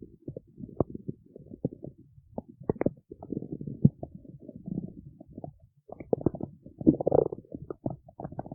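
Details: A woman's stomach growling in the city: continuous low gurgling and rumbling with irregular bubbly pops, ordinary borborygmi from gas and fluid moving through the gut.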